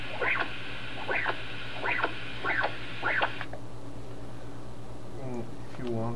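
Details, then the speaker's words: 13-year-old dog with heart murmur, echocardiogram with Esaote MyLab Class C, pulsed-wave Doppler at pulmonary artery: repeating whooshing flow about 100 a minute over machine hum, valve clicks; retrograde flow showing pulmonic valve insufficiency. "so this then retrograde movement of blood indicates the the leakage at the pulmonic valve so you can measure that and get a pressure halftime from that"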